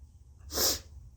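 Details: Forced sneeze from a congested person who cannot breathe through the nose, after tickling the right nostril with a Q-tip and sniffing turmeric: a single sharp, hissing sneeze against a quiet room hum.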